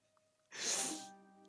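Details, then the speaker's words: Sneeze from a pet dog sneezing on its owner, heard during a live stream. "don't know if you guys could hear that sneeze, but that was my dog sneezing on me."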